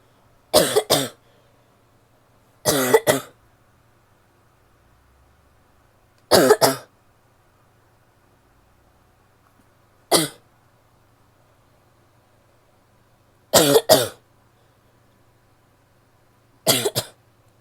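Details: Female coughing: six separate cough bouts, several double coughs, spaced a few seconds apart in a quiet room; repeated harsh cough.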